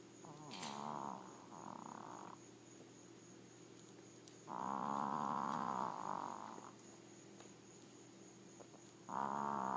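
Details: Loud, buzzing rhythmic snores in time with breathing from a small Maltese dog, over a steady background hum; snoring.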